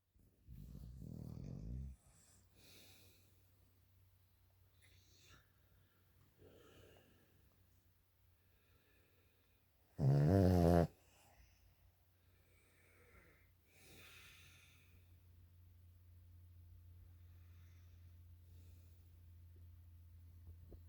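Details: A dog and a man snoring together at night. The owner says she has never heard a dog snore so loud, and that he snores almost from the minute he lies down asleep. Low rumbling noisy breaths, one loud snort-like burst. Snoring.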